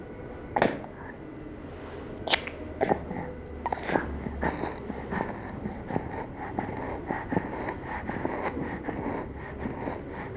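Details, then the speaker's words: Child (IMCI training exercise) with noisy breathing and a faint musical wheeze on breathing out, not the harsh inspiratory sound of stridor: expiratory wheeze. "we heard a wheezing sound when breathing out therefore we decided that did not have stridor"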